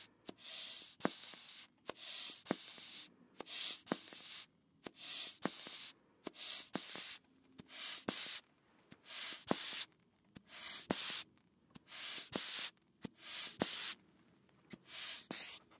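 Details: ASMR medical role-play: a blood pressure cuff being inflated in a quiet room, with crunchy fabric, repeated hissing air puffs and sharp clicks as the bulb is squeezed.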